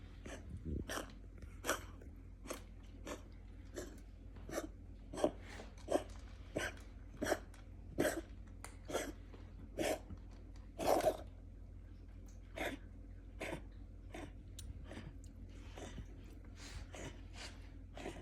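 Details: A cat coughs again, as it has before: a long run of short, sharp, dry hacking bursts, repeated about every half second.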